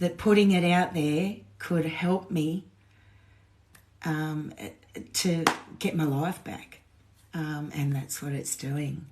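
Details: Woman with essential tremor, voice tremor worse than usual today after two days of drinking alcohol, with alcohol withdrawal shakes on top of her essential tremor; voice tremor (essential tremor).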